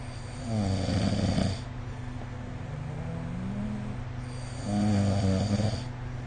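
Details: Loud, rattling snores on each inward breath, about 10 breaths a minute, with quieter breathing between over steady hum; snoring during sleep recorded with the SnoreLab phone app.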